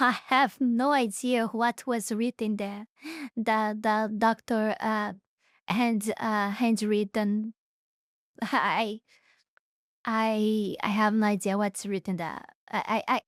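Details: Adult woman speaking; hesitant speech with word repetitions.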